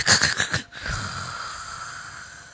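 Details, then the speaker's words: Imitated snoring demonstrating obstructive sleep apnea: snoring, then a breathing pause, then rough snorting breaths as breathing resumes; louder snoring and more pauses mean greater severity. "esta es un ronquido que va acompañado de pausas respiratorias que son apneas del sueño, apnea obstructiva."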